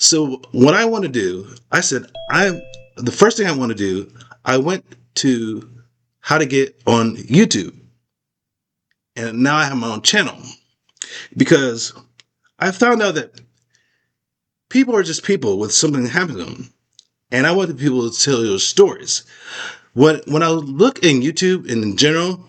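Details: Adult man with aphasia after a stroke, still unable to talk as clearly as before the stroke: aphasia.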